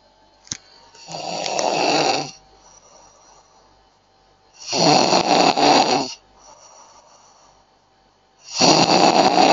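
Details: Snoring sound from a sleeping person.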